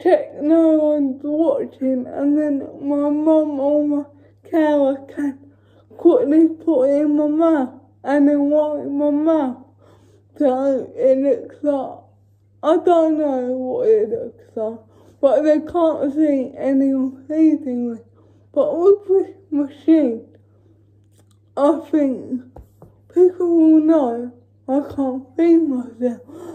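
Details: Female with cerebral palsy talking while feeding herself with a Neater Eater feeding aid; no speech disorder is named: dysarthria in cerebral palsy.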